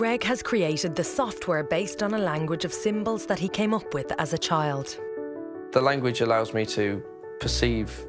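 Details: Adult narrator; normal fluent speech.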